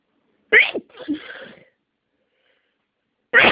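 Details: Allergic sneezing deliberately triggered by inhaling an allergenic massage bar, with sinus congestion: one sharp, forceful sneeze with a breathy trailing sound, then the start of a second after a pause.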